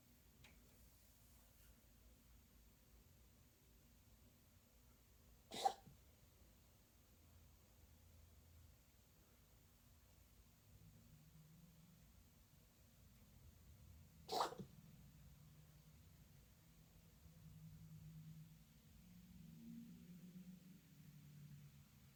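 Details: A dog gives two single, abrupt coughs, well apart, in a quiet room with low background rumble.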